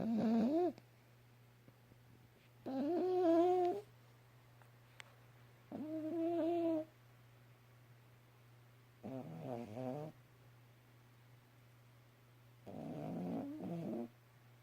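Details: Yorkie dog snoring loudly, rough snores with a whining nasal tone about one every few seconds over a steady low hum.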